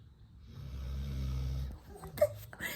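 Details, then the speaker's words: A sleeping male dog snores loudly, one low rumbling snore lasting about a second; the owner says he is louder today than on some days. "I can hear the snoring he's so loud isn't it oh God that"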